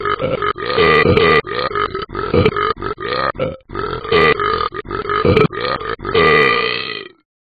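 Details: Cartoon dog character Talking Ben in an iPhone/iPad game app lets out a long, loud, rumbling chain of belches; burping.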